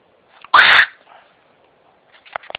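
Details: Dog, in a recording labelled as snoring: one sharp, explosive burst of air through the nose, followed by faint snuffling; a single sneeze.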